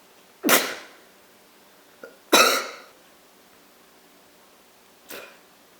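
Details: Sneeze attack: two explosive sneezes a couple of seconds apart, then a softer third burst, in a quiet room.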